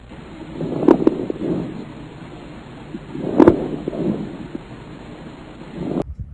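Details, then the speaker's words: Crackles (estertores crepitantes), presented as an abnormal breath sound in a lung auscultation teaching example. "y los ruidos anormales son estertores estertores crepitantes"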